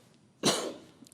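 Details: Coughing fit from an adult losing their voice while reading a bill aloud at length.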